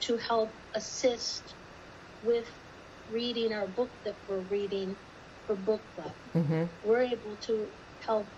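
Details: Woman with aphasia whose earlier speech therapist said she did not have aphasia, and who got no help until joining an aphasia support group during COVID; aphasia.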